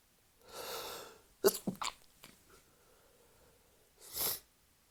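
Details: Drunk sneezing fit: a drawn-in breath, then a sharp sneeze with small follow-on bursts, and another sneeze a few seconds later; repeated sneezing while drunk.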